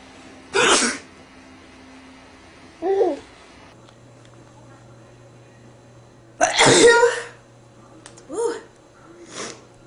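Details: Two forceful sneezes, each after a short in-breath, then softer sniffs, in a man sneezing repeatedly after smelling a rose all night; an ordinary sneezing fit.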